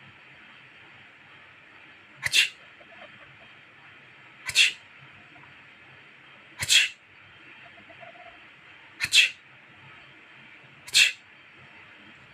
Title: " Sneezing makes Gulumulu angry."🐈🥰🙀 #cat #short